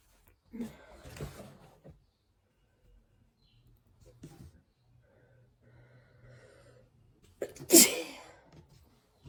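Breathy sneezes with a quick intake before each, then a loud final burst; repeated sneezing with a cold.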